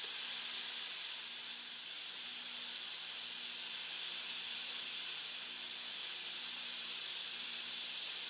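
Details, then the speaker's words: Dental drill bisecting the dentino-enamel junction with a pendulum movement to set the axial and gingival walls of a Class II mesio-occlusal amalgam preparation. Steady high-pitched whine shifting slightly in pitch as the bur cuts. "the operator bisects the Deno enamel Junction and proceeds gingerly using a pendulum movement the position of the axial and gingival walls are established"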